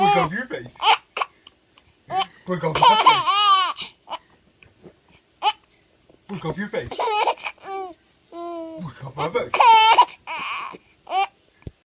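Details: A 5-month-old baby laughs and babbles, with short catching hiccup sounds breaking into the laughter. Hiccups with laughter.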